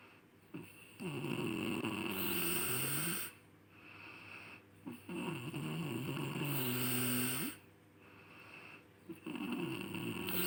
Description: ngorok adalah suara kasar yang timbul saat seseorang sedang tidur biasanya terjadi ketika mereka mengambil nafas.